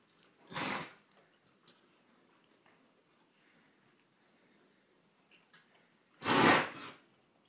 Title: Buddy cough day 8